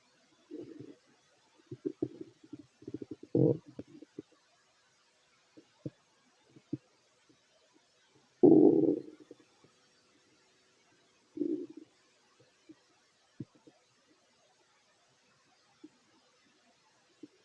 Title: [REQUEST] Fit male stomach growls while eating 😋 (Part 2)